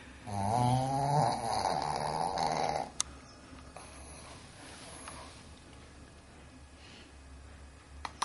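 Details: Snoring from a dog: a loud rattling snore with wavering pitch on the inhaled breath, then quieter breathing and room noise.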